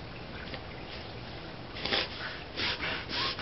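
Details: Reverse sneeze in a dog (inspiratory paroxysmal respiration from soft palate and laryngeal spasm): a few quick, forceful snorting inhalations, the dog typically still with head and neck extended; harmless.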